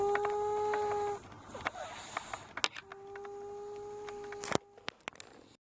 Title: Need speakers to hear them snoring!